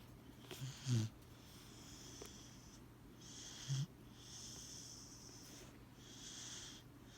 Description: Cane Corso puppy snoring. Too cute.